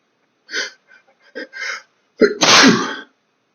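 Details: Male sneezing from chinchilla dust bath dust: quiet breathy sounds, then a sharp in-breath and one loud explosive sneeze. Allergic sneeze.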